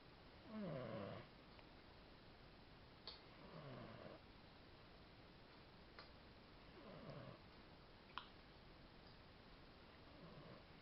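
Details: Xavi's breathing after a vet removed a blade of grass from his nose, filmed for the veterinarian: low, rough snoring-like noises with each breath, about four in ten seconds, in a quiet room; stertor.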